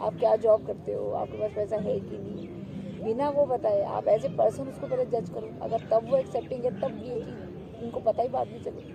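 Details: Adult woman; typical speech.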